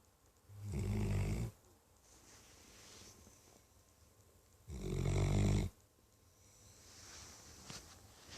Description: My dog, thunder snoring like an old man